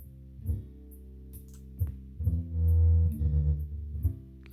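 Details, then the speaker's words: Music played through a simulator for bilateral moderate/severe hearing loss due to otosclerosis, right side, with more loss on the left; instruments seem taken away. "so if you listen very carefully you'll notice what I mean what I mean by instruments are taken away and you feel that from the left here versus the right side"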